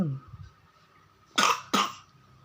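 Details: Young child still coughing after waking from sleep, yet playful: two sharp cough bursts after a brief low voice sound, with faint background music.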